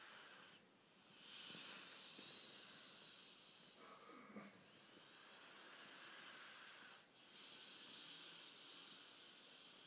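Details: Ridgeback dog snoring while fast asleep with eyes open: slow, hissing breaths with a faint whistle, a few seconds apart.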